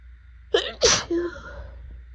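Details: A quick catch of breath, then a sharp wet sneeze with a short voiced tail over steady room hum, from a person in a pollen allergy sneezing fit with swollen eyes and a burning throat.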